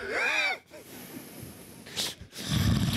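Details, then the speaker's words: A brief tonal, voice-like groan, then breathy room noise and a low, fluttering rumble on an inhaled breath from an adult man asleep alone, captured by a sleep-recording app: snoring. "Donc je ronfle, donc vous allez m'entendre, mais regardez, écoutez la voix derrière."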